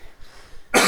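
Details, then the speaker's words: Adult man gives a single abrupt cough during a fitness workout, breaking a near-silent moment. "Je tousse encore un petit peu, hein. J'ai des résidus de maladie."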